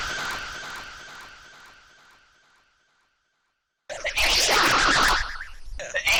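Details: Edited sneeze sound effect played at different pitch variations: a fading tone, a pause, then a loud burst of air with a harsh noisy sound.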